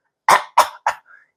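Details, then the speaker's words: Demonstrated throat clearing: three short, sharp bursts then a faint high squeak, imitating phlegm coming from the vocal cords or larynx rather than the lungs, as in non-smokers. "해서 가래를 베거 요거 배서 나오는 거 아니에요 그냥 성대나 후두에서 나오는 거예요"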